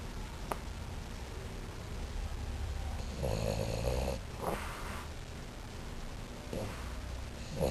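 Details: Someone snoring while on vacation in the New Mexico mountains: low rumbling snores with snorting, fluttery breaths, uneven in timing, over a constant low background hum.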